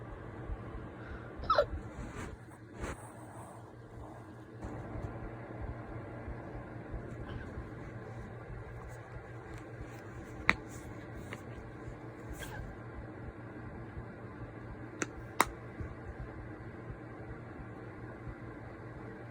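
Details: Several faint, brief clicking hiccups at irregular intervals against a quiet room background; hiccups.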